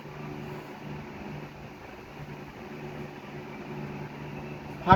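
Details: Steady low mechanical buzz of a vibrating pen used as oral sensory stimulation at the start of oral placement therapy for a boy with speech difficulty.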